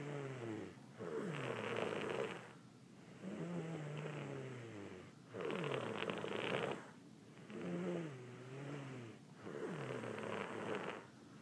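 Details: Lucy, who is sick, snoring at a hotel: rhythmic rattling snores on both inhalation and exhalation, about five breaths in eleven seconds; snoring.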